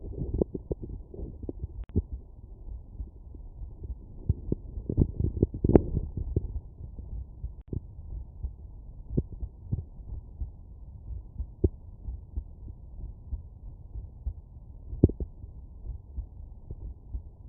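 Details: Soft, low heartbeat thumps with some handling noise, heard through a stethoscope diaphragm at the mitral area in a child at rest: normal pediatric heart sounds.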